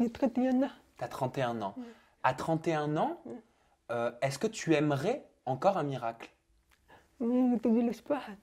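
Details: Adult interviewer; Typical speech.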